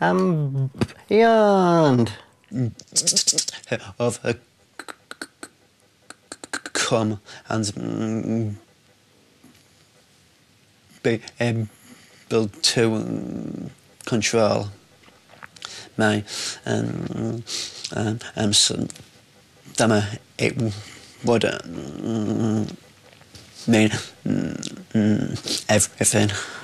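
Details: Adult man with a severe lifelong stammer who enrolled on the McGuire stammering programme, speaking; stuttering.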